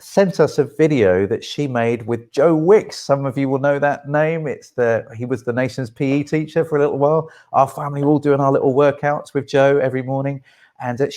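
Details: Adult speaker; Normal speech.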